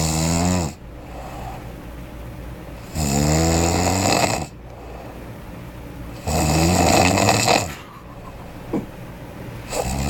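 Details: Person snoring loudly while asleep in a hotel room: loud, rough snores on each breath in, about 18 a minute, with a quieter noisy breath out; heavy snoring.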